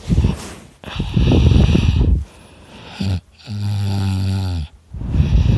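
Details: Person recording their own heavy snoring while very tired: loud, harsh rattling snores with a tonal, whistling component on some breaths.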